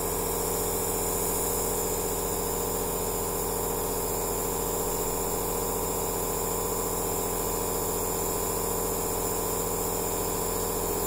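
Steady loud mechanical hum and hiss of a nebulizer compressor running.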